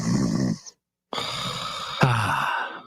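Acted sleep breathing: a soft snoring breath, a pause, then a long rough breath of restful sleep.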